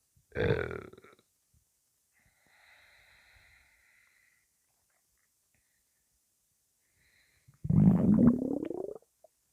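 Loud, low gurgling rumbles in two bursts with a quieter gurgle between: stomach rumbling from gas and fluid moving through the gut, a normal sound.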